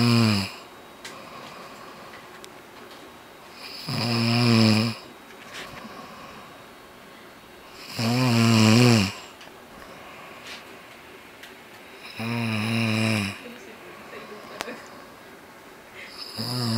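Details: Person snoring heavily: loud, rattling snores on each in-breath, about 14 a minute, with quiet gaps between.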